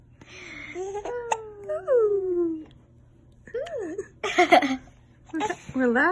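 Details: Infant with hiccups fussing: whimpers and short wavering cries with brief pauses in a quiet room.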